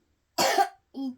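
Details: A young boy with a cold gives a single harsh, noisy cough followed by a brief voiced sound; he has a cough and is taking medicine.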